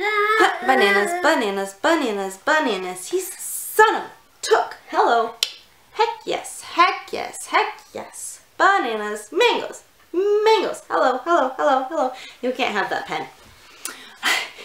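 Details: Adult woman with Tourette syndrome; a burst of repeated vocal tics interrupts her speech; vocal tics (Tourette syndrome).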